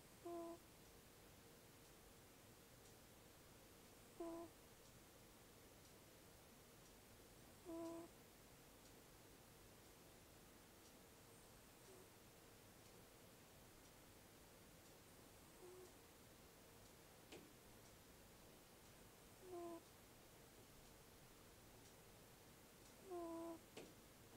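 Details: Sleeping cat snoring with a nasal whistle: a brief, high whistling tone with each breath, about 17 breaths a minute.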